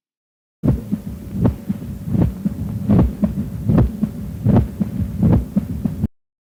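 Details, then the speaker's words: Mitral stenosis at about 78 a minute: three-part quail rhythm of a loud snapping first sound, a normal second sound and a mitral opening snap, spreading from the apex upward and into the axilla. "область распространения ритма перепела обширна от верхушки сердца Вверх и в подмышечную ямку давайте послушаем Как звучит ритм перепела"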